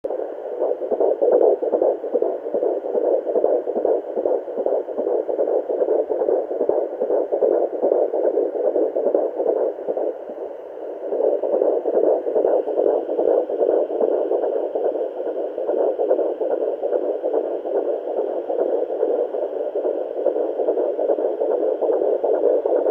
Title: Fetal doppler at home ♡ heartbeat 17 weeks pregnant ♡